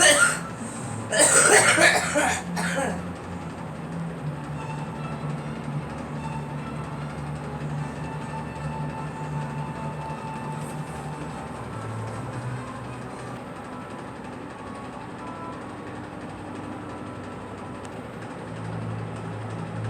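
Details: Girl coughs a few times in a short burst, then steady train or vehicle rumble continues.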